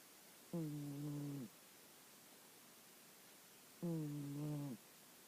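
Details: A female cat snoring very loudly while asleep.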